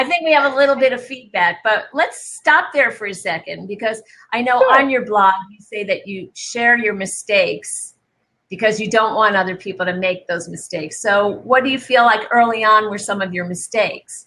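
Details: Adult woman; normal speech.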